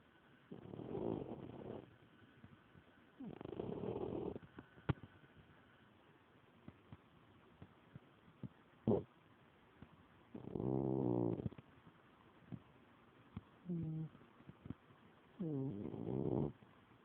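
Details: 17-year-old female cat asleep: four slow, rumbling snores about every three seconds, each drawn-out and fluttering, with quiet breathing between; snoring.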